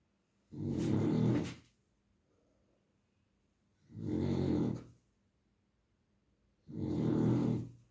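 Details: Three loud, rough snores in about eight seconds, about 20 a minute, with quiet pauses between them; ordinary snoring.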